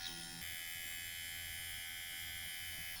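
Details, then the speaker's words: Steady high buzzing of a Dr. Pen microneedling device at its slowest speed, run crosshatch over the user's own facial skin and acne scars at home. "it's the slowest Revolution and I'm just going to run it across my skin actually that's not so bad"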